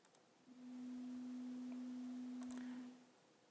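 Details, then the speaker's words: Pure-tone audiometry test tone at 250 Hz played in a hearing lecture: a steady low-pitched pure tone lasting about two and a half seconds. "so here is a low pitch sound this would be 250 Hertz he said with great confidence if you can get it to play"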